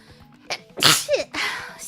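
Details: Single sharp, forceful sneeze with a short in-breath before and a trailing voiced sound after, faint background noise, during a live stream; sneezing.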